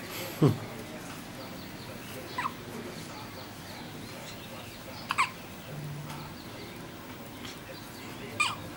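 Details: Newborn two days old having a first bout of hiccups: four brief, sharp hiccup sounds roughly every two to three seconds over quiet room noise.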